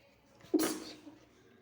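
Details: Late-night sneeze after a shower: a short intake followed by one sudden, explosive hissing burst that fades quickly.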